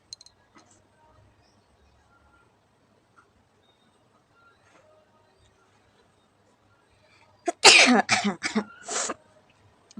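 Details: Sneeze deliberately induced by poking the nose during a sneezing challenge: one sharp sneeze burst after near silence, with a quick series of follow-on sounds.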